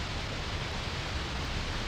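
Steady low hiss with a soft rumble, a simulation of the auditory nerve's spontaneous activity, the faint background noise that normally goes unnoticed.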